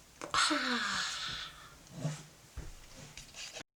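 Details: A long, croaking, falling burp followed by a shorter second burp and soft sounds; burp.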